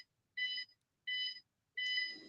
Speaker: It sounds like a medical monitor. >> That's like a heartbeat, though. >> Yeah. Yeah. It's a It's a It's a medical device.